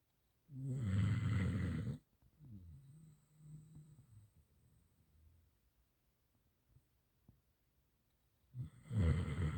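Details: Two loud, rattling snores about eight seconds apart, with a softer whistling, rumbling breath between them, from a sleeping female Gampr dog: snoring.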